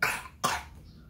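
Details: Child who is sick with fever, flu and cough and has to take medicine gives two short, loose coughs close together.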